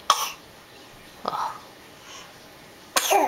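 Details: Baby boy sneezing: three short sharp small sneezes with quiet gaps, over faint room noise.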